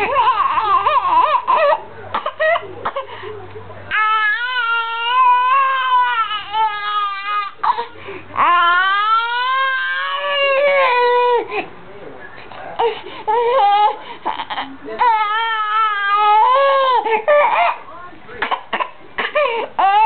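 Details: Four-month-old boy with laryngomalacia, fussy and crying, with high, musical, crowing inspiratory stridor.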